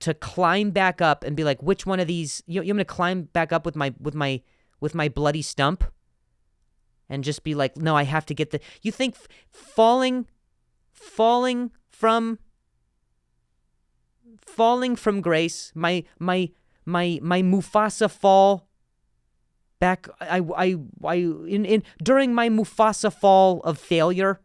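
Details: Adult male comedian who stutters, with word and phrase repetitions: stuttering.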